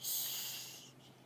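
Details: A young child with hiccups after a long plane ride makes a playful snort while imitating animal sounds: a single sharp, hissy nasal burst fading over a second.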